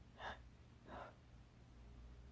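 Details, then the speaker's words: Two short, sharp inward gasps about 0.7 seconds apart, then quiet, during an involuntary breath-stopping episode in an adult with dysautonomia, a neurological autonomic condition: gasping breaths. "it's this stopping breath and I can't force myself to breathe it's it's all neurological"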